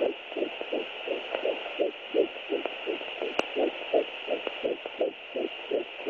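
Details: Rapid, regular whooshing fetal heartbeat at about 150–160 beats per minute over a steady hiss.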